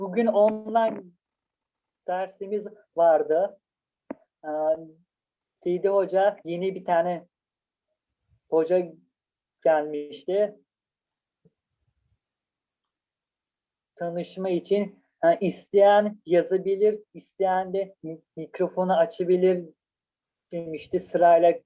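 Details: Person who stutters, speaking in Turkish about trying fluency techniques in online lessons; stuttering.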